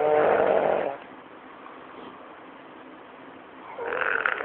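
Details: Snoring: two loud, rasping snore-like breaths separated by a quiet pause.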